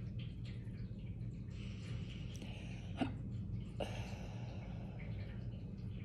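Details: Adult in a prolonged hiccup attack: two brief, sharp catches about a second apart over steady low room hum, consistent with hiccups (singultus).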